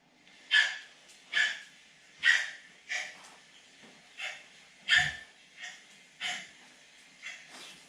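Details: Rapid, harsh, forceful breaths at about 80 a minute from a sick dog, a Staffordshire terrier household where the dogs are coughing and vomiting foam. Laboured breathing.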